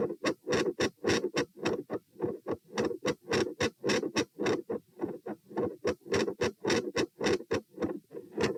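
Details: Heart sounds recorded at position P on the same standing subject: rapid, regular beats with harsh, noisy filling between them. Across recordings they vary from very loud to very quiet and from fairly normal without murmur to a continuous murmur; heart murmur.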